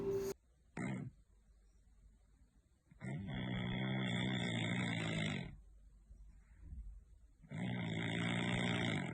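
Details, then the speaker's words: Female cat snoring while asleep, possibly tired: two long, loud, rattling snores with a quiet pause between them. "guys come look at this my card is snoring I can't believe that"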